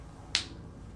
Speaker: Does your knee click when you squat?